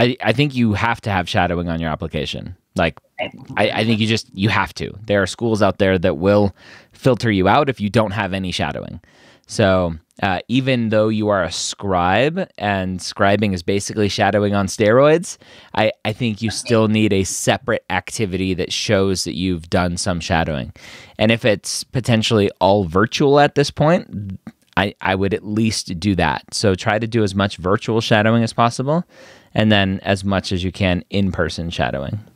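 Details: Adult male speaker; normal fluent speech.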